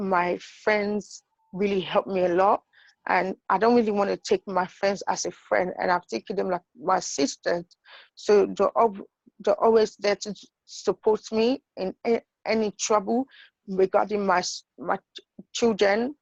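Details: Adult woman with idiopathic intracranial hypertension and sight loss; acquired stuttering that she attributes to her condition, finding even easy words hard to say. Finding: acquired stuttering.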